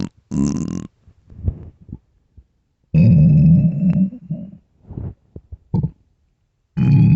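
Loud, low, drawn-out gurgling and rumbling growls with short pops between them: stomach growling from hunger, a normal bowel sound.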